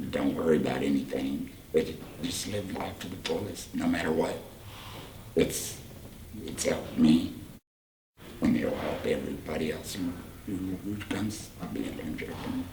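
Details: 38-year-old man, total laryngectomy for laryngeal cancer about four years earlier followed by radiation, speaking with a Provox voice prosthesis and HME; tracheoesophageal speech.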